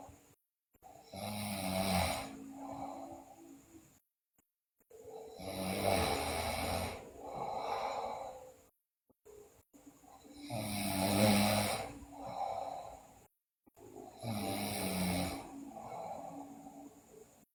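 Loud, rough, rattling snores on each in-breath, four cycles at about 14 a minute, with quiet pauses between.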